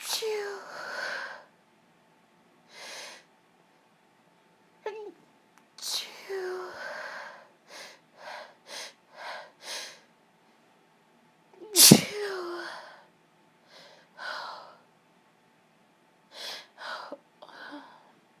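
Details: Woman sneezing while ill for a few days: several loud sneezes with voiced 'ah' build-ups and sharp bursts, mixed with short breathy sniffs and exhalations in a quiet room; sneeze.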